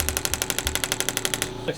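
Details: Radial shockwave therapy device near the end of a session on an adult male triathlete's left knee, with intensity around 5–6/10. Rapid, regular sharp clacking pulses, about twelve per second.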